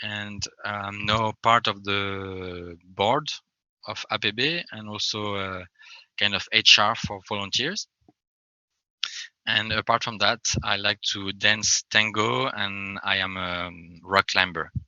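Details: Adult French man who describes himself as a person who stammers, speaking English; stuttering.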